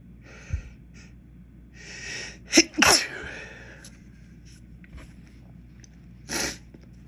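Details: Several sharp sneezes, each preceded by a quick inward breath, set off by dust from a dropped container of white pepper while cooking; sneezing.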